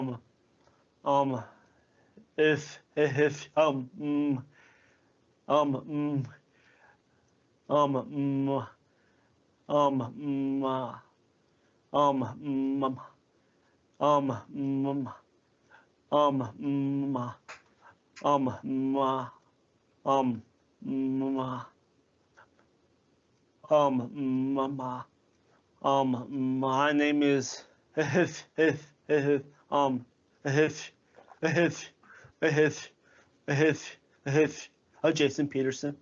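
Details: 29-year-old man who stutters, speaking with repeated words and phrases; stuttering.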